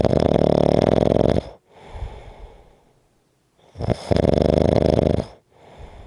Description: This is a 4 1/2 minute clip of snoring.